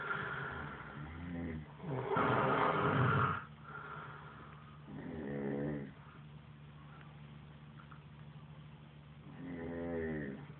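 Three loud, rough, vibrating breath sounds during sleep over about ten seconds, each breath rattling in the throat: snoring.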